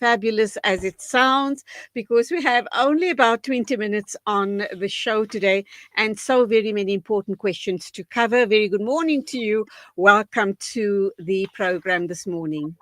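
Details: Adult female speaker; normal speech.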